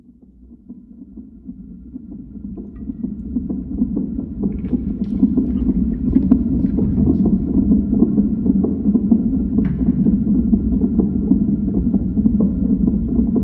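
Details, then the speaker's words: Fetal heartbeat recorded on ultrasound, said to contain two heartbeats: fast rhythmic whooshing pulses fading in, at about 130 beats a minute. "an ultrasound you'll hear two heartbeats that's something that I recorded"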